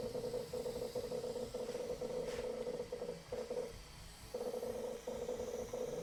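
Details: Steady electronic hum with a repeating on-off pattern and brief pauses: an intraoral dental scanner running on a real patient, capturing the upper arch in a fast, roughly 38-second demonstration scan.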